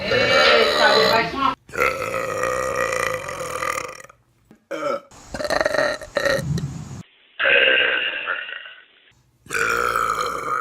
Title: Best Burps On Youtube || #17